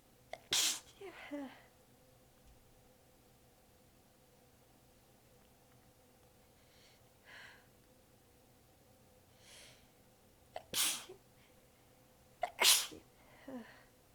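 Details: Three sharp sneezes, each after a quick intake, with soft breaths between. Part of a massive sneezing fit; the person is exhausted with sore abs and partly biting the sneezes back. The fit was recorded across clips in changing positions.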